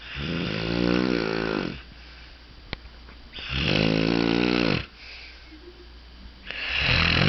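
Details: Loud, rough, buzzing snores on breathing in, with quieter pauses between breaths; about two snores; snoring problem.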